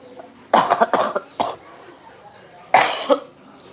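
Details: Cough in a sick person during their worst spell of coughing: a cluster of four quick harsh coughs, a pause, then two more, with a little room noise.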